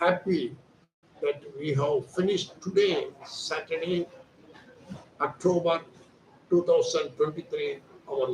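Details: Adult man, Hindi speaker, voice thin since childhood; surgery advised elsewhere, instead receiving voice therapy exercises, 4 days into treatment and reporting improvement: puberphonia (during voice therapy)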